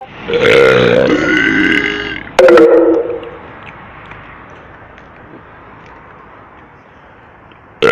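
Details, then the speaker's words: Midnight burping: two loud, long, croaking belches followed by quiet room noise. "Okay, guys, that was how to burp."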